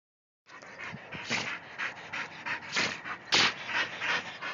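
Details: Dog panting after playing fetch, around a sneezing fit apparently from dust or pollen in her nose. Fast, breathy, open-mouthed huffing at about 90 breaths a minute.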